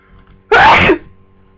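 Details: Sneezing on day two of flu: one loud, abrupt sneeze in a quiet room.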